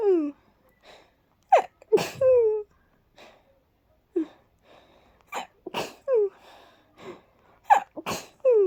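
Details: A run of about four sharp, airy sneezes, each with a brief squeaky intake before the burst, after about 20 minutes of cleaning and dusting.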